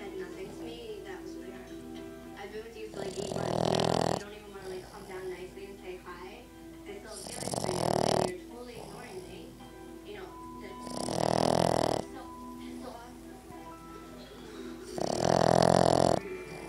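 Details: Sleeping dog snoring, owner asks whether it should be this loud: loud, regular rasping snores about every four seconds, roughly 15 a minute, over background television talk and music.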